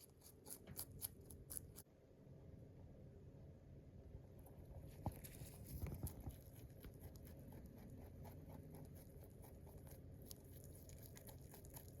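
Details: Rabbit teeth grinding (tooth purring) after eating: soft, rapid clicking and crunching, a contented purr.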